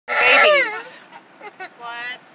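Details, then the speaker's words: Several babies crying together in a car: a loud wailing infant cry with rising and falling pitch, followed by softer fussing cries; infant crying. "we got a chorus of crying babies in this car"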